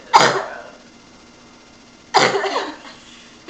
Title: half asleep and coughing